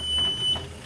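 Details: Philips EverFlo home oxygen concentrator turned back on after attaching a humidifier bottle: a steady high-pitched electronic beep under half a second long, then fading; normal start-up tone.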